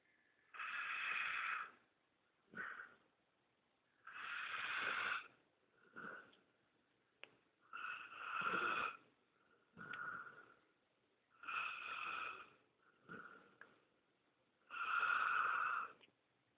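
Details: Sleeping bull mastiff/shar pei mix dog snoring: loud, rough snores on both breathing in and out, about 17 a minute, in a quiet room.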